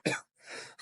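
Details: Person with high fever (tez bukhar) coughing.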